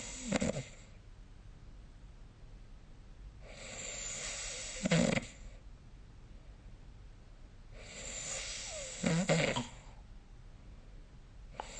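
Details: Snoring recorded during sleep with the SnoreLab phone app: rasping breathing at about 14 breaths a minute, with rough snorting bursts on each breath.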